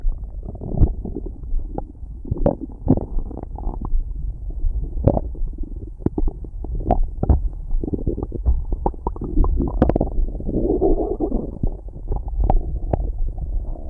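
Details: Continuous low gurgling and rumbling with frequent brief pops from an animal's abdomen, recorded with its heartbeat: borborygmi (stomach growling).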